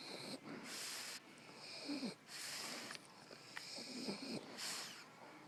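Hissy, wheezy breaths in a repeating rhythm with soft low snorts at times, typical of a sleeping dog snoring.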